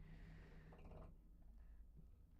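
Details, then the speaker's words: A faint, snorting inhaled breath from a sleeping dog over low room hum, a single soft snore; finding: snoring. "I'm Oh my god, my dog's snoring. Don't know if you guys can hear that."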